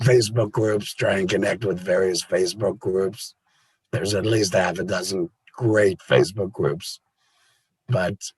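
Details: Adult laryngectomee after total laryngectomy, a cancer-related operation; the voice method is not stated; alaryngeal speech.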